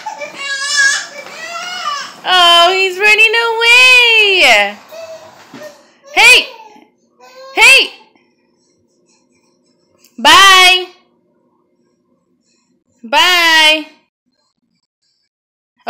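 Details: Bursts of clear pitched crying from a 7-month-old baby, separated by pauses, with an adult voice briefly at the start.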